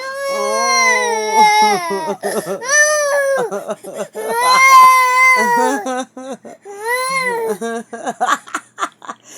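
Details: Baby crying after losing a pacifier: loud, high-pitched wailing bursts with catches and whimpers between them, an ordinary upset infant cry.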